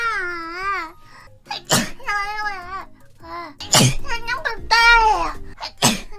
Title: Most Sneezes